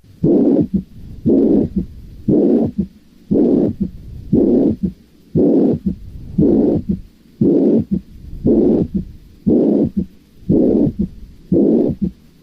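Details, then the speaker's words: Mitral regurgitation with a third heart sound: regular heartbeat near 58 a minute, a long even blowing holosystolic murmur filling each systole, plus a soft S3; headphones recommended. "vamos a escuchar el sonido del de lo que sería la insuficiencia mitral con el tercer ruido y en esto pues les recomendaría la utilización de audífonos para que puedan escuchar mejor el sonido"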